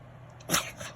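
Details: A dog sneezes once, sharp and hissing, after a couple of faint sniffs during play; sneezing.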